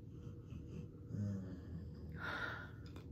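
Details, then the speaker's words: A sleeping female pet dog gives a soft, low rumble and then a brief airy exhale in a quiet room, one faint snoring cycle, recorded while her owner talks. "my dog snoring, if you can hear that."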